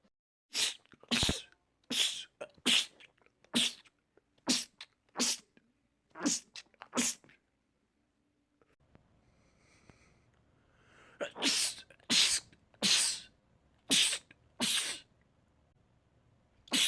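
Rapid runs of sharp sneezes in two bursts of about eight each, separated by a quiet gap; repeated sneezing attacks.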